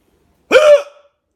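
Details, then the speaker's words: Person with uncontrollable hiccups, never had hiccups like this before: a single sharp, voiced, abrupt and squeaky hiccup in a quiet room. "I've never had hiccups like this before how am I going to get rid of them"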